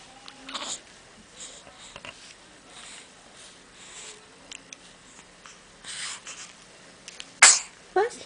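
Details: Baby girl sneezing while playing in her play gym early in the morning: a single sharp hissing infant sneeze near the end, after soft baby noises in a quiet room.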